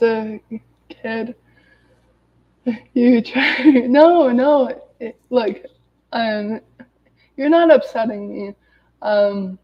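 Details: Adult woman who has stuttered daily her whole life, reading aloud from a self-therapy book to demonstrate her stutter; stuttering.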